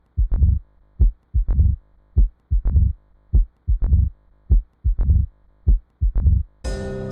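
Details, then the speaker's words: Self-test heart sounds recording: slow regular heartbeat about 51 a minute with a sharp opening snap after the second sound and a low mid-diastolic rumble, a mid-diastolic murmur with opening snap of mitral stenosis. "the correct answer is mid-diastolic murmur with an opening snap congratulations to those who got that answer correct"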